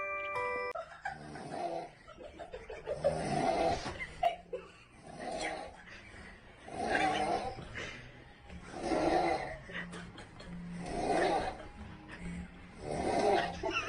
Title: Girls Snoring vs Boys Snoring